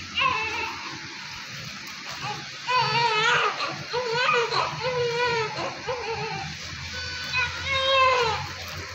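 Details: Weak newborn cry: short, thin, bleating cries with pauses from a male newborn delivered by LSCS with a low Apgar score, during cleaning. He was admitted to NICU for RDS and grunting, with low SpO2 needing nasal prong oxygen.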